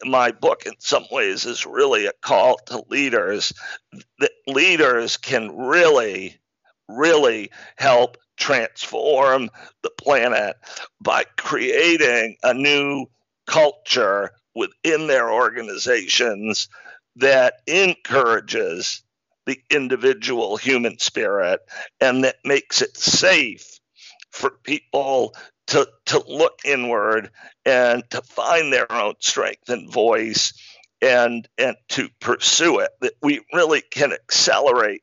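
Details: Man with spasmodic dysphonia, a rare neurological speaking disorder causing partial voice loss, with onset around 2010 and diagnosis in 2012; much improved over about a decade but still present; real speech showing spasmodic dysphonia.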